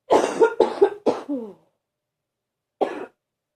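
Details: Quick run of four deep, chesty coughs ending in a groaning breath, then one more cough, from a person who is unwell but says they feel a bit better; a deep, ongoing cough.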